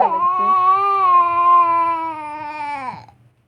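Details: Small baby gives one long, sustained wailing cry with a steady pitch that fades at the end: child crying.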